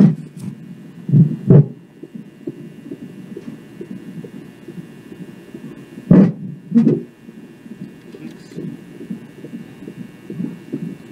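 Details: Rapid whooshing fetal heartbeat on a Doppler, broken by several loud thumps as the baby girl moves closer to the probe and kicks it.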